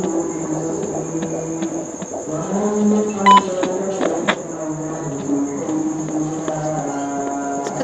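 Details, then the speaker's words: Fetal heartbeat on a home fetal Doppler at 16 weeks' pregnancy: rough, faint whooshing with a fast pulse, normal but not very loud this early; normal rate 120-160 per minute. "Ayo bunyinya normal kebetulan ini enggak terlalu keras karena memang usia kehamilannya masih 16minggu bunyi jadi masih kurang sensitif"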